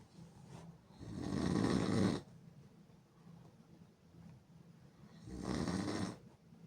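Two loud, rough inhaled snores about four seconds apart, with quiet breathing between them; about 14 breaths a minute.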